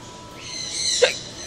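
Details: A single abrupt, sharp hiccup over faint room noise, phone-recorded while talking to a pet fish; hiccups.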